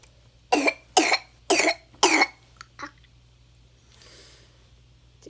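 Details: A child coughs when asked: four forceful coughs in a row, then two small catches of breath; child also reports belly pain.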